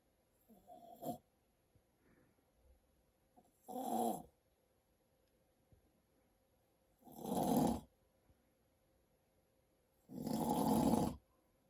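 Loud, rough snores build over several breaths, about 18 a minute, in a quiet room; ordinary snoring.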